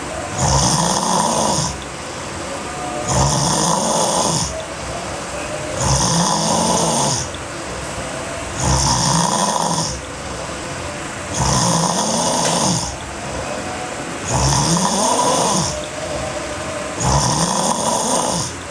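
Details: Sleeping girl, hard snoring: loud, harsh, rattling snores on each breath in, about 22 breaths a minute; heavy snoring.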